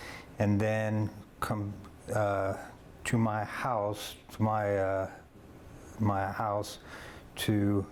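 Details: Global aphasia in an adult male stroke survivor who had two years of speech therapy, then four years of local therapy.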